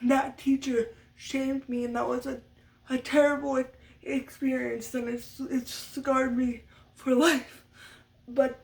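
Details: Adult woman who stutters, which she attributes to muscle tightness from cerebral palsy (brain damage as a baby); speech therapy from a young age through senior year of high school; uses techniques but expects lifelong stuttering; stuttering.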